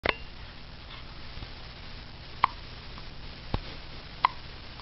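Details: A person with hiccups: soft, abrupt little gulping sounds, four in under five seconds, at irregular intervals over room noise.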